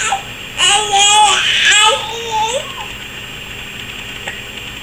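Short, high-pitched infant fussing and whimpering cries in a small room; no distinct hiccups heard.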